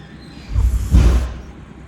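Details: Blue British shorthair male cat snoring while asleep on a sofa until interrupted; two soft, low rumbling breaths over faint room noise.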